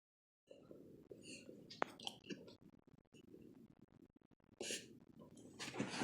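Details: Bronson, a dog, doing what looked like a reverse sneeze, his teeth chattering each time: repeated rough snorting breaths with clicking teeth; possible reverse sneeze.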